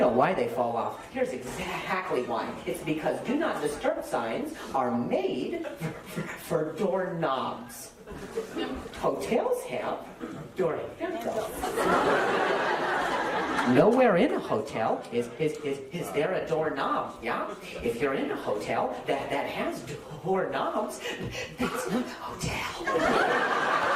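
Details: Male stand-up comedian whose stutter was acquired at age 20, appearing the day after a softball hit his throat (minor vocal contusion, major concussion); no stutter in childhood; acquired stuttering.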